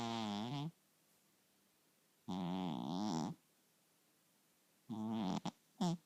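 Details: A cat snoring: loud buzzing, voiced breaths repeating in cycles with quiet pauses, about 23 a minute.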